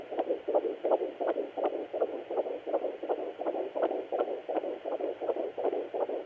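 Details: Fetal heartbeat at 13 weeks 1 day of pregnancy, picked up on a Sonoline B fetal Doppler: fast, regular whooshing pulses at about 165 beats a minute, a normal rate for early pregnancy.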